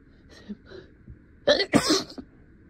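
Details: Acted scenario: a person playing a lawyer giving a closing argument tries to hold back sneezes and is stuffy. Soft, suppressed catches are followed by a sharp double sneeze mid-speech.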